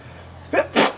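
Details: Dog sneezing near a grill: two quick, forceful nasal bursts, a short one and then a stronger one.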